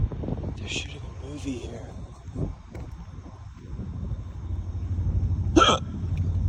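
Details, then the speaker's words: Several short, sharp involuntary gulping hiccups from a man walking outdoors, with street noise and passing traffic; repeated hiccups. "Man, I got mad hiccups. Mad hiccups."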